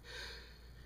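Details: A single brief, breathy adult sneeze; the person reports coughing fits that day and feeling very cold.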